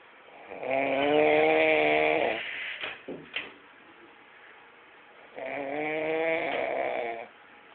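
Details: Person snoring loudly in sleep, likened to a tractor engine: two long, rattling, buzzy breaths about five seconds apart with soft snorts between them.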